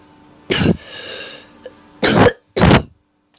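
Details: Three loud, harsh coughs with a short rasping breath after the first, over a faint hum, from a speaker during game commentary who apologizes for the cough.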